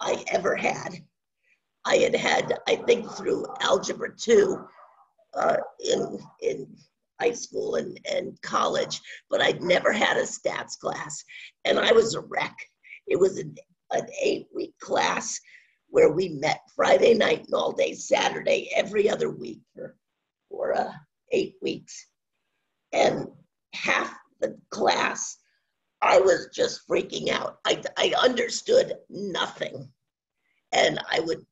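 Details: Adult woman with spasmodic dysphonia, onset around 2010, progressively worsening, no cure; awaiting a Botox injection that was postponed; spasmodic dysphonia.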